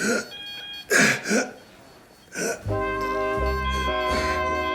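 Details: Acted TV drama scene, not a real patient: an adult waking after being in a very bad way gives about four harsh, wet-sounding coughs while coughing up blood (haemoptysis), followed by dramatic background music.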